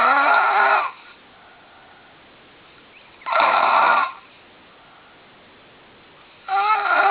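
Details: Loud, harsh, buzzing snores from a man, recorded in the morning, recurring about every three seconds with quiet gaps between; snoring.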